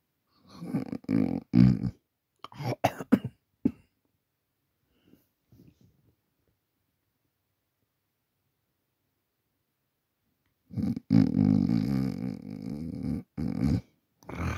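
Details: Person who fell asleep around 11:50 pm while recording on a Samsung Galaxy A40 phone, snoring: bursts of rough, fluttering snores with long quiet pauses between them in a small quiet room.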